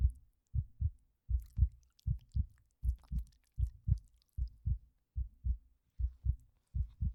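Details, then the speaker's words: Simulated ASMR roleplay nurse exam, recorded on a 3Dio binaural microphone: steady paired low heart thumps, about 78 a minute, regular rhythm, described as a normal healthy heartbeat in a patient with stress-induced fever after fainting. "Very good. Your heartbeat is sounding nice and healthy."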